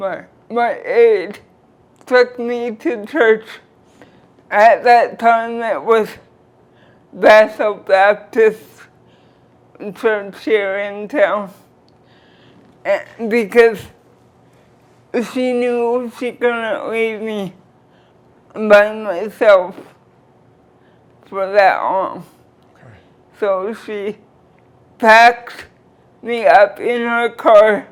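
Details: Dysarthria from cerebral palsy present since birth in a 46-year-old woman born weighing 2 lb 4 oz, with limited motor control and wheelchair use; she describes her speech as 'a bit forward' but says she understands everything.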